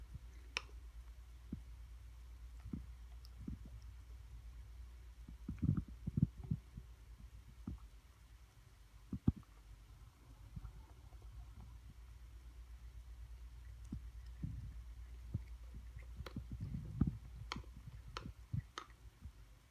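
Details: 15-year-old cat grinding her teeth while eating, judged by two veterinarians likely due to dental and GI disease: scattered sharp clicks and grinding crunches, feline bruxism.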